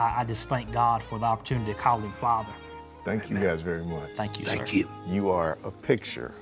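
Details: Adult male speaker; normal voice.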